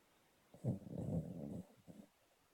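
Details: Cavalier rescue dog asleep on a sofa, snoring strongly enough to vibrate it: a single low, rumbling snore on the in-breath with a faint second flutter; snoring.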